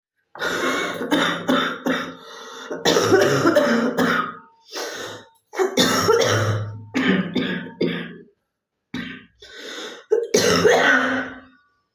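Repeated harsh coughing in several bursts of rapid coughs, with short pauses and breaths between bouts.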